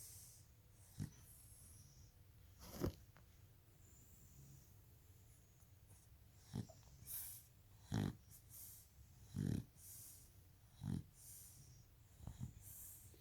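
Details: Shar-pei dog: short snorting, snuffling breaths recurring irregularly, about forty a minute, in a quiet room; snoring with nasal snorts.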